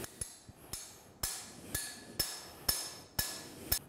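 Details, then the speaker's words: Total knee replacement demonstration on a bone model, preparing the proximal tibia after drilling: sharp metallic hammer strikes about two per second; mallet impaction preparing the tibial keel. "بعد كده هنستخدم الهامر بتاعنا عشان نبريبير الكيل."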